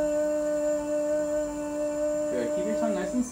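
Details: Normal sustained 'e' from a healthy female speech-language pathologist, a repeat trial with a rigid laryngoscope passed through the mouth to view vocal fold vibration.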